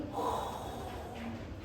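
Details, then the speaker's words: Vocal imitation of the decrescendo diastolic murmur of aortic regurgitation, a breathy blowing sound that starts loud and fades. "Ya, decreciente comienza fuerte y disminuye su to."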